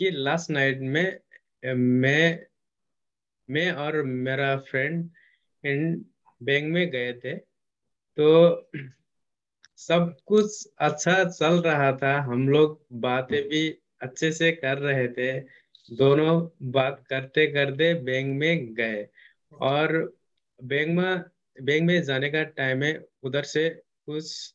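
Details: Male client of a stammering therapy program, speaking Hindi, who stammers and uses fluency techniques such as pausing; stuttering.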